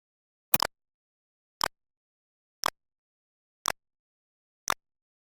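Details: Simulated cough in a sore-throat lozenge advert: an adult acts five short, sharp coughs about a second apart to suggest a sore throat.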